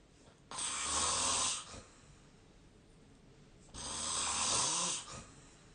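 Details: Sleep snoring recorded with the SnoreLab snoring app: two hissing, rough breaths, each about a second long, at about 19 a minute; snoring.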